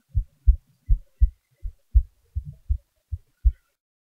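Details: Self-recorded heartbeat, steady low paired thumps about 80 beats a minute with no added sounds: normal heart sounds.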